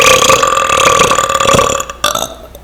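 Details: Podcast host: a long, loud, rumbling belch lasting nearly two seconds, then a brief second burp; eructation, air brought up from the stomach.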